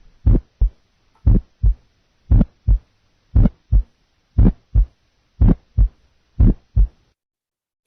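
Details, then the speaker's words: Aortic ejection sound, an early systolic sound close to S1, played for comparison with a single first sound in a nursing heart sound assessment. "aortic ejection sound compared to single first sounds single first sound aortic ejection sounds"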